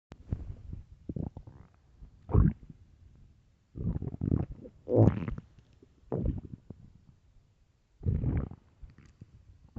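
Deep, low gurgling rumbles come in several bursts with quiet gaps between them. These are loud stomach growls, typical of an empty stomach.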